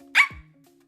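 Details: Barking vocal tic in a 27-year-old woman diagnosed with Tourette syndrome at age 12; it was one of her first vocal tics, is very hard to suppress, and occurs when she talks about it.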